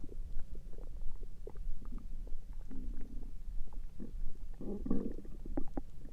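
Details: Stomach noises recorded through the night, with low gurgling and bubbling rumbles in irregular bursts against faint background hiss; ordinary bowel sounds (borborygmi).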